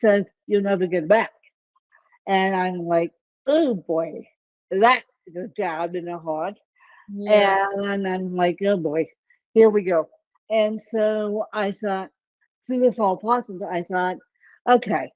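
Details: Dysarthria in an adult woman with ataxic cerebral palsy; the type of speech impairment is not named.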